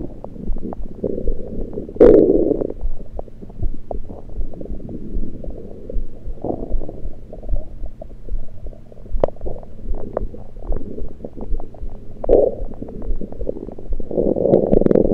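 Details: Abdominal gurgles recorded with a USB electronic stethoscope after only liquids, not during digestion: frequent irregular gurgles and rumbles with bubbling bursts, ordinary active bowel sounds.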